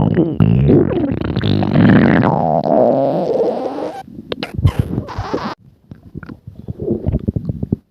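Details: Long gurgling rumble with shifting pitch, then a run of bubbling pops and squelches: ordinary stomach growling (borborygmi).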